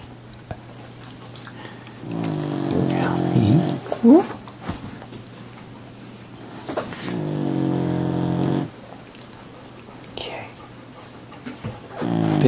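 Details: Tulip snoring: long, deep, buzzing snores on breaths in, two clear cycles, with a brief squeak and soft snorts between.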